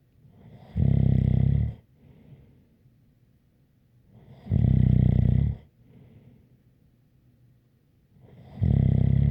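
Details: ASMR snoring recording: loud, deep rattling snores on each breath in, about every four seconds, with a faint whistle on the breath out; snoring with a light whistle.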